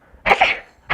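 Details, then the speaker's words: Acted comedy-sketch cough: a single short, explosive cough from an adult. "why do people only say things when you sneeze not cough quick say something anything uh soggy cereal what well you coughed so i'm just wishing you soggy cereal"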